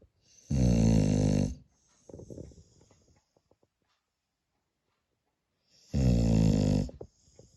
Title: cutest spaniel dog Holly snoring